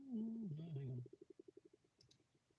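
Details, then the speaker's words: Stomach rumbling (borborygmi) in a person who says they are very gassy today: a low, wavering gurgling growl breaking into a rapid run of soft bubbling pops. "I don't know if any of you can hear that but my stomach is making some of the weirdest noises"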